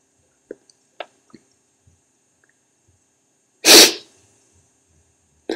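A few faint catching sounds, then one loud, forceful sneeze in a quiet room.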